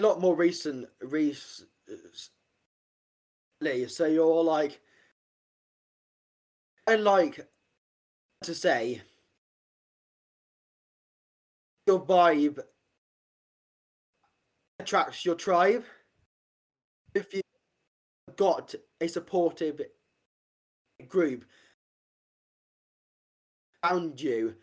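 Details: Adult man with stammering since age five, blocks and repetitions worse under stress; stammering (stuttering) with blocks.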